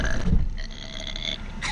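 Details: Deliberate burping contest on holiday: a long, deep, rumbling belch lasting over a second; burping.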